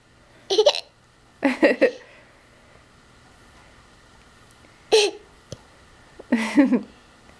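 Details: Four short, abrupt voiced gulps a few seconds apart in a quiet room, the sharp catch of hiccups.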